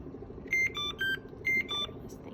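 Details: CADD Solis PCA pump during setup for a new patient: two repeated sets of three short electronic tones in a quiet room, an alert that the pump's wireless module is not connecting.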